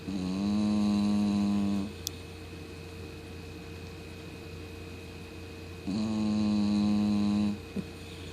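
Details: Two long, loud, steady droning snores about six seconds apart with faint room hum, from a sleeping 17 lb female Cocker Spaniel whose loud snoring wakes the owner at night; snoring.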